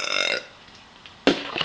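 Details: Deliberate voiced burping in a girls' burping contest after chugging Dr Pepper: a drawn-out belch, a pause, then the onset of a second loud burp.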